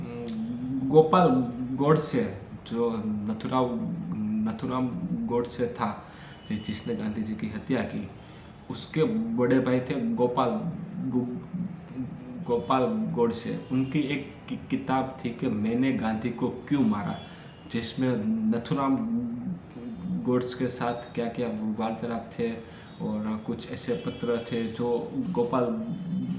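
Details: Young man with stammering who practises daily and reports much gained control though it still shows on certain sounds, in spontaneous continuous-speech practice (Day 5 of his routine); stuttering.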